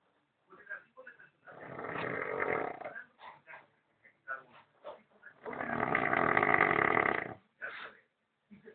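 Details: Snoring during sleep: two long, rough, rattling snores with short snorts and sniffs between them.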